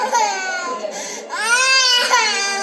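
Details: Young girl cries in strained, wailing, tearful bursts, upset by a house fly while eating payasam: toddler crying.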